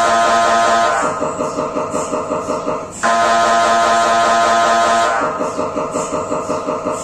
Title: MRI sounds inside scan room (Brain Sounds)